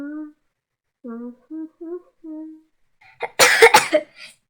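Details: Child acting in a comedy skit, coughing in front of her mother: a few hummed notes, then a quick cluster of two or three sharp, harsh coughs.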